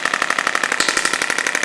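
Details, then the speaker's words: Radial shockwave therapy device with its head around the iliac crest and pelvis of a woman with 5+ years of chronic lower back pain; rapid, regular tapping pulses at about ten a second. This is her first local treatment, so it is kept gentle and shallow, though the head can reach about 6 cm. "You can get up to about 6 centimeters of depth with this machine in this head."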